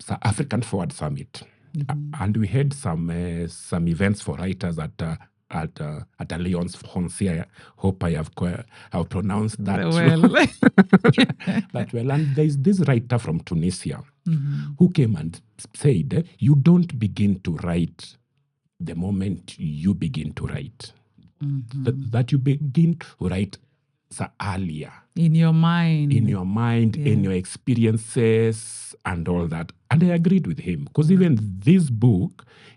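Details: Adult man who stammers, saying it is genetic, inherited from his mother, and at times acute; word and part-phrase repetitions are heard; stuttering.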